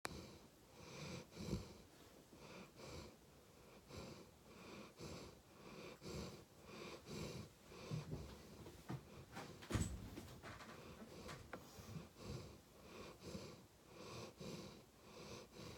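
Steady, rhythmic rough breathing noises with each breath of a sleeping dog, in a quiet room: snoring.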